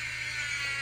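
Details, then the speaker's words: Cast removal after a fracture, cast saw run slowly; steady high-pitched whirring as it cuts through the cast: cast saw. "do it nice and slow with the cast saw and you can have cast for different parts of your body"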